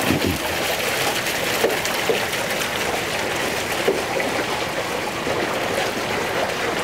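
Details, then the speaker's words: Steady rushing, trickling water as an operator pulls a valve to rapidly drain the water bolus of a BSD-2000 deep regional radiofrequency hyperthermia system after treatment ends. "then the operator simply reaches down and pulls a valve that rapidly removes the water from the"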